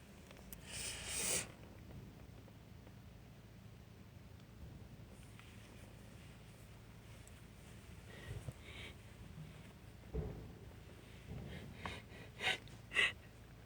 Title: Snotty Sneeze and Noseblow (F)